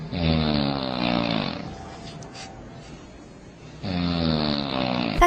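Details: Two loud, low, buzzing snores on breaths in, separated by a quieter breath out: heavy snoring.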